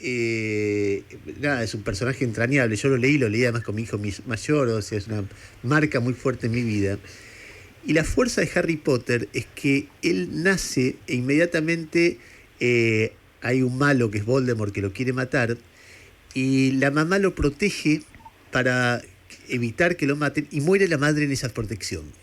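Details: Adult male speaker; typical speech.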